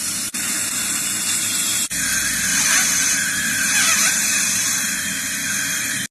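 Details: Dental drill with water spray during tooth repair: a continuous high-pitched whine with hissing spray and brief interruptions.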